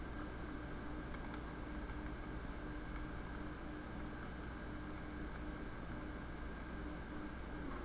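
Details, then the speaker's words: Hepatic vein spectral Doppler ultrasound in a patient with hepatic steatosis: steady, low whoosh with almost no variation, dampened waveform tending from biphasic to monophasic. "la esteatosis hepática puede causar cambios en el flujo como es éste el caso y así se escucha no hay variación está amortigua de esta onda"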